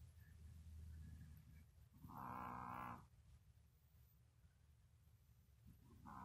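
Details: Sleeping Yorkie dog: low rumbling sleep breathing, then one loud, drawn-out, buzzing snore; snoring.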